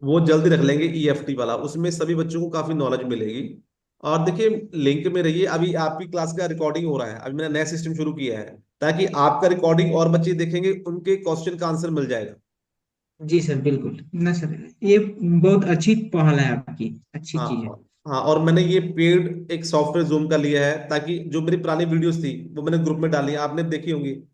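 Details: Adult male speakers, Hindi conversation; ordinary conversational speech.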